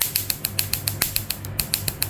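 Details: Laser tattoo removal session: rapid sharp snapping clicks, about seven each second, over a low hum as the laser fires repeated pulses.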